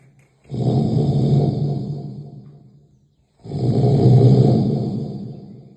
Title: Heavy sound snoring